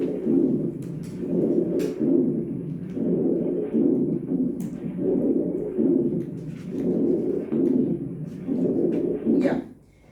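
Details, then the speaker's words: Rhonchi in a teaching recording for pediatric cardiorespiratory rehabilitation: low-pitched, snoring, cooing sounds recurring with each breath at about 35 breaths a minute, deeper in pitch than wheezing. "Ya ese sí está bien. O sea, se escucha mejor, porque se dan cuenta que es un poco más grave que la sibilancia."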